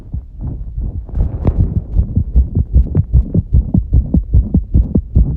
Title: 圧迫心臓音(頻拍) Heart sounds under pressure🫀